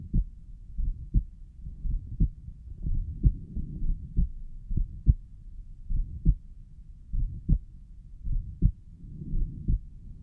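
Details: Self-recorded own heart through a stethoscope, labelled pulmonic valve; about 70 beats a minute with a soft rushing sound between beats; recorder suspects a mid-systolic murmur; possible systolic murmur.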